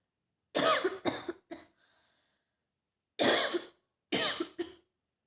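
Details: Woman with a serious head cold and stuffy nose, also sneezing and blowing her nose: three short clusters of harsh coughs, eight in all, in a quiet room.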